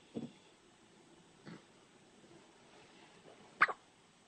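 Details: Hiccups: four brief, soft, sharp catches about a second apart in a quiet room.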